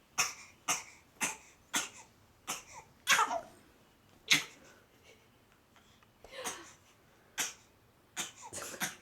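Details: Young child's voluntary fake cough, which a doctor confirms: a run of short, light, deliberate coughs with pauses between them, a sound the child knows how to make.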